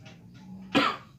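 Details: A single short, harsh cough after a brief quiet lead-in, from a persistent cough that is hard to cure.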